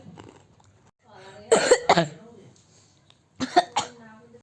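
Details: A child gives two quick runs of about three short, voiced coughs each, with a clucking, chicken-like sound.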